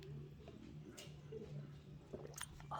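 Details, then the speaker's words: Low rumbling with soft squishy gurgles from an adult woman's stomach before making pancakes: ordinary stomach growling (borborygmi). "did you hear that's my tummy growling oh my goodness"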